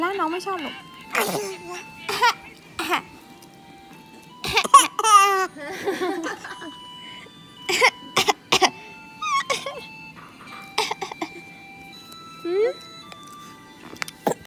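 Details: Baby's voluntary fake cough: short, deliberate cough-like bursts between playful voice sounds, with music in the background.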